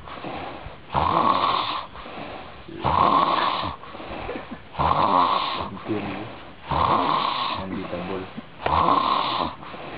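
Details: Loud, harsh rattling snores on each inhalation with quieter breaths between, about 15 snores a minute, regular rhythm; heavy snoring.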